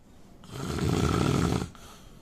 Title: Indian man snoring